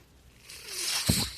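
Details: Podcast host's own mechanical ventilator in the background as he speaks: a rising airy hiss over about a second ending in a soft mechanical thump as it delivers a breath; mechanical ventilator.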